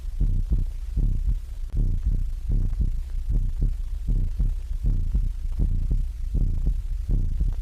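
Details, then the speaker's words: Amplified heart sounds, low muffled regular thumping at roughly 79 beats a minute with steady hum, heard through an electrical stethoscope in a 1930 animated film, letting a whole room of students or consultants listen simultaneously. "a whole room full of students or consultants can now listen to the same heart or body sounds at the same time"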